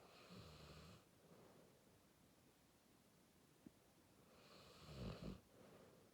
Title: Sleepy dog, with a bit of snoring #shorts